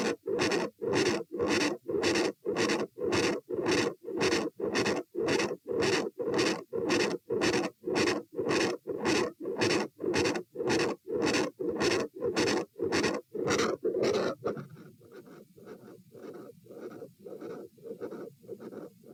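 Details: Continuous heart murmur at auscultation position A during a lie-stand-sit-lie stress test (72-108-90-84 bpm): loud rushing murmur with each beat at about 108 a minute, dropping sharply in loudness on sitting.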